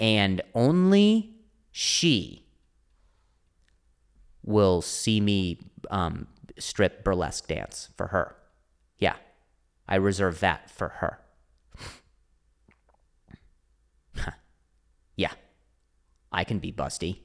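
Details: Stuttering (speech impediment) in an adult male comedian who stutters, speaking spontaneously and solo on his own podcast.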